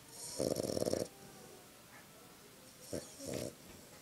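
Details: Small frengle dog snoring after a hard day, asleep: rattling, fluttering inspiratory snores with quiet pauses between; snoring.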